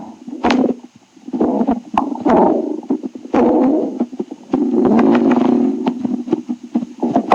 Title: Stomach growling tribute 6